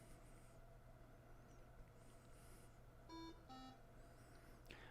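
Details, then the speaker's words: Two short electronic alarm tones over room hum: Cardiohelp ECMO console alarm for air detected in the circuit, heard during an instructional console demo before the alarm is silenced. "because it's complaining that we have air and it's gonna keep beeping we could silence it with our typical medical alarm medical silence alarm here and now it should stop beeping for a little while"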